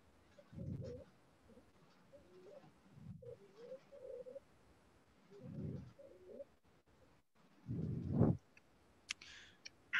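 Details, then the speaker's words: Repeated harsh, crowing noises with each breath in, played in a paediatrics lecture on croup, acute epiglottitis and laryngomalacia; inspiratory stridor from a narrowed upper airway. "আর এটা হচ্ছে inspiration during inspiration অর্থাৎ শ্বাস নেওয়ার সময় এটা হচ্ছে"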